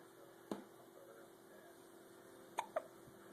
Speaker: Well, who's got the hiccups?